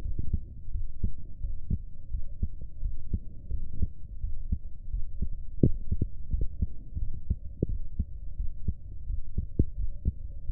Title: My heartbeat #4